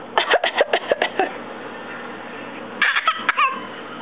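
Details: Two runs of quick, light, voiced cough-like bursts from a young child who just learned to fake cough and is also beginning to walk; voluntary cough.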